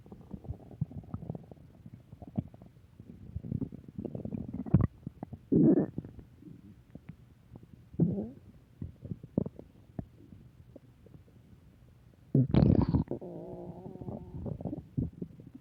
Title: Return of stomach growling 3